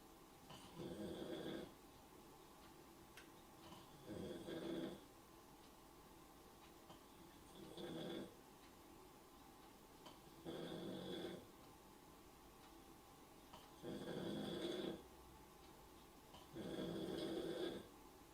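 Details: Snoring during a livestream: six rough, rattling snores on breathing in, about every three seconds (roughly 20 a minute), with steady room hum between them.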